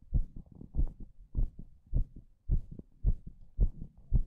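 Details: Strong heartbeat: regular, low lub-dub at about 107 beats a minute.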